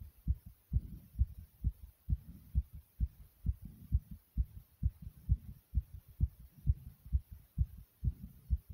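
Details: Loud pounding heartbeat of the recorder's own heart: strong, regular low thumps at about 130 beats a minute, a fast heart rate.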